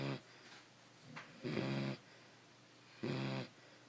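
Two loud, buzzing snores on inhaling about a second and a half apart, with quiet breathing between; a sleeping dog snoring.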